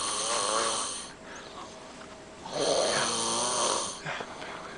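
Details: Person asleep and very sick gives loud, rattling snores on each breath, separated by quieter pauses. Snoring.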